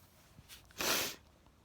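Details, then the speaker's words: Single short, breathy sneeze after a brief intake of breath, in a tired person just before bed on a warm day in the Netherlands; they wonder about pollen allergy but also sneeze in winter. "Maybe I have a pollen allergy. I don't know. But that can't be true because in the winter I still sneeze."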